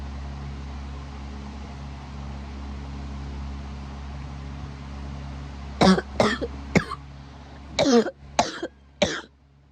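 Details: Cough that is keeping the person awake: six harsh cough bursts in two runs after a steady engine-like background hum; persistent, recurrent cough.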